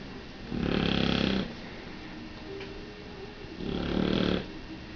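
Two loud, rough, vibrating snoring breaths about three seconds apart, roughly 20 breaths a minute, with quiet pauses between them.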